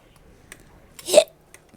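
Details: Hiccups from a streamer: a single sudden, sharp catch of breath in quiet surroundings.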